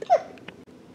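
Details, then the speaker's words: Single short, sharp, squeaky hiccup from an infant boy held by his mother in a home video, followed by quiet room sound: infant hiccups. "he has the hiccups so you're gonna hear that i'm sorry but i need to get this film so i can get the cold stuff put away"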